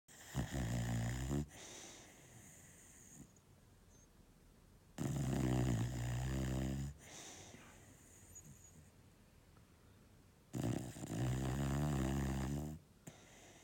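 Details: Loud, deep, rattling snores about every five to six seconds, each followed by a softer breath out; steady snoring at roughly 11 breaths a minute.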